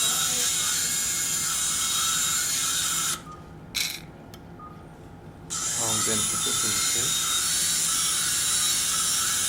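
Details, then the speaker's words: Surgical drill on hard ear canal bone during transcanal revision tympanoplasty for severe tympanic membrane lateralization; high-pitched whine stops about two seconds, faint voice, then resumes. "okay so I need now to drill out the inferior part of the inter worldall because I think we have some exostosis residual exostosis on the right you can see here [Music] that PR"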